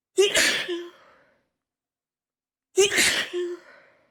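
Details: Two forceful sneezes about two and a half seconds apart, each a sharp burst trailing into a brief voiced tail, apparently after using chhinkni (sneezing) powder; sneezing.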